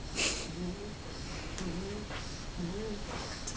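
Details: Snoring baby: three soft, squeaky nasal breathing sounds about a second apart, each rising slightly in pitch, in a quiet room.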